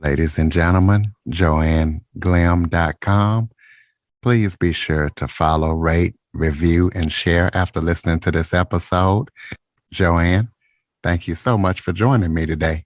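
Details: Adult man speaking; ordinary speech.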